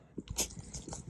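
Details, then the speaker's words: Two-year-old female golden retriever, vaccinated, with kennel cough: brief, harsh, dry hacking bursts like gagging or choking on something in the throat; infectious tracheobronchitis. "the first time i noticed it i was very freaked out because i thought that she was choking i was very concerned"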